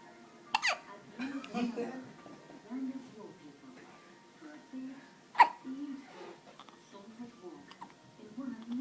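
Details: Person with hiccups: two sharp, abrupt gulping sounds about five seconds apart, with soft voices and faint background music.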